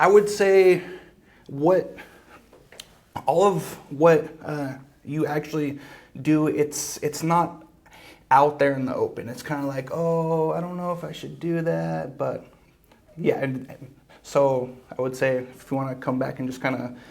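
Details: Male podcast host with a speech problem involving blocks and getting stuck, who uses breathing and other fluency strategies to stay fluent; stuttering.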